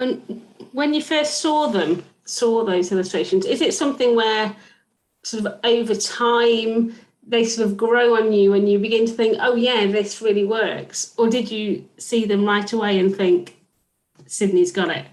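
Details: Adult speaker; Normal fluent speech.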